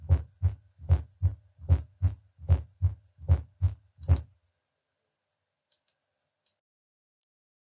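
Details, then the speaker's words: S4 gallop heard with stethoscope bell, patient in left lateral recumbent position; regular low heartbeats near 75 a minute with a soft extra thump late in diastole just before S1, every beat, "stiff wall" cadence. "so here again you have the EKG and you notice you have S1 S2 and the S4 does occur in diast but late and diast just before"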